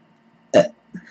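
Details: An adult woman burps while talking: a single short, voiced burp rising out of near silence, followed by a faint voice sound.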